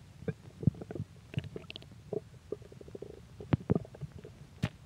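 Low gurgling and bubbling rumbles with scattered squeaks; ordinary stomach growling from gas and fluid moving through the gut.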